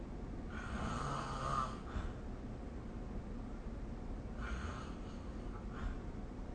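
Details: Two rough, fluttering snores on breathing in, about four seconds apart, over a steady low room hum, recorded during sleep with a snoring-recording phone app.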